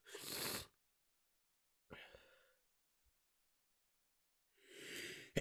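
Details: Person stifling sneezes after waking with a nasal tickle, trying not to wake others: quiet, muffled sneezes with soft breathy bursts and a short pause between them.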